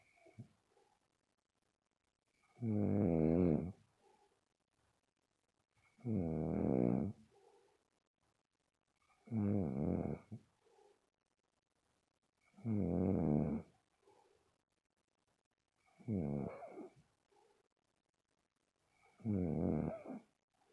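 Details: Six loud, rough, rumbling snores at about 18 a minute, separated by quiet pauses: steady snoring during sleep.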